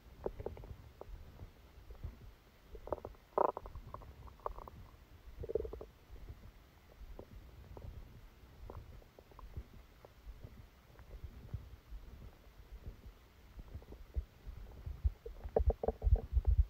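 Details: Stomachache after Christmas dinner, recorded while the person was sleeping: irregular low gurgles and rumbles with occasional louder squeaky bursts; active bowel sounds.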